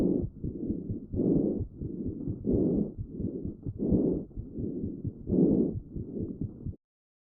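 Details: Normal vesicular breath sounds recorded with a StethoMe electronic stethoscope on a child's chest: soft, rustling breathing, heard mainly on inhalation and early exhalation.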